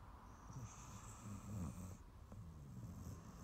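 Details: Snoring from an adopted rescue Staffy–Ridgeback dog, born 2012, asleep on a sofa after a long walk and a big meal: soft, low rumbling snores with faint snorting breaths over a steady background hiss.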